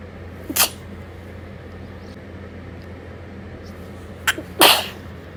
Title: some late night sneezes